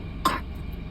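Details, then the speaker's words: Single short wet, loose cough from a young child bringing up mucus after chest massage, audible rattling phlegm; productive cough as the child learns to cough and spit. "我能听见你的痰，呼噜噜的。"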